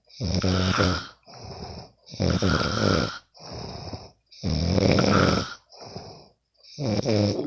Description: Sometimes i can't sleep. So i will record my bff snoring...